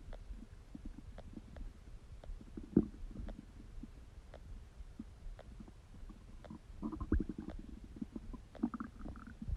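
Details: Bowel sounds.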